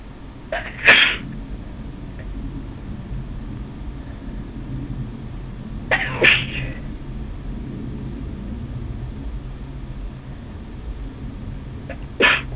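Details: Three sharp, explosive sneezes about six seconds apart over a steady low background hum, more sneezes recorded the same day: repeated sneezing.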